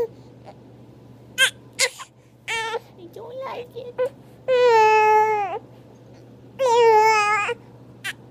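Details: Infant aged three months and one day during tummy time: fussy whimpers building into two sustained wailing cries in a quiet room; an ordinary protest cry.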